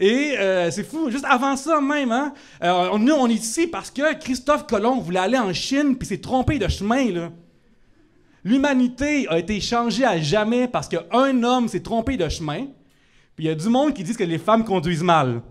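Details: Adult French-speaking male comedian, real (not acted), diagnosed by a speech therapist with cluttering ('bredouillement'), a rare rhythm disorder that makes words of four or more syllables difficult, and who also stutters; finding: cluttering.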